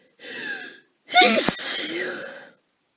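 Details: Sneezing from a person with a cold for a few days who is exhausted, which may make the sneezes sound different: a sharp catching inhale, then one loud voiced explosive sneeze with a trailing exhale.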